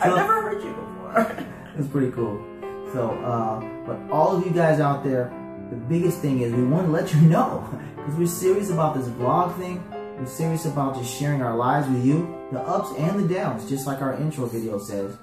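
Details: Adult male speaker; normal adult speech.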